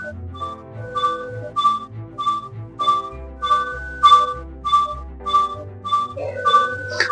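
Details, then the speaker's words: ICU patient monitor heart rate tone, volume set at 20% and being raised: regular electronic beeps about 100 per minute over background music. "তো heart রেটের tone ভলিউমটা এখানে আমার 20% করা আছে যদি আমি এটা বাড়াতে থাকি তাহলে কিন্তু বাড়ছে"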